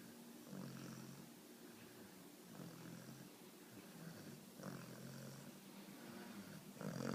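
Soft, regular snoring sounds about every two seconds over low room hiss; a sleeping puppy snoring.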